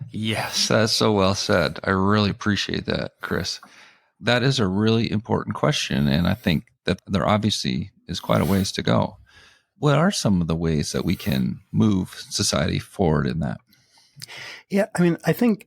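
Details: Adult man speaking; typical speech.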